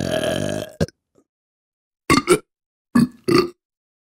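Loud, low, throaty belches, one long then several short ones, from a sound-effect pack.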